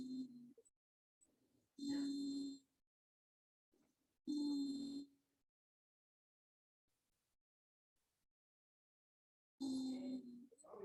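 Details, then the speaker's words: Recurring musical, whistling breath sounds with clear tones: wheeze, from air passing bronchi or bronchioles narrowed by bronchospasm, as typically heard in a patient with asthma. "jadi suara wizink atau mengi atau eggs ronki ini biasanya terjadi Halo jelas pada pasien dengan asma ya jadi coba kita dengarkan suaranya ya"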